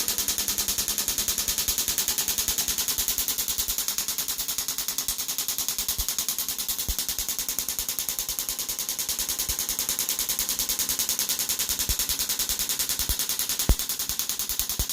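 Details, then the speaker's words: Shockwave therapy (EPAT) for Achilles tendonitis, the patient's second session: steady, rapid, sharp rattling pulses. "This is the second EPAT that we're doing with this patient, or shockwave therapy for Achilles tendonitis, or a little thickening in the Achilles."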